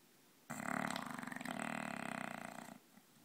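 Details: English bulldog snoring loudly: one loud, coarse, rapidly fluttering breath about two seconds long from a flat-faced dog; snoring.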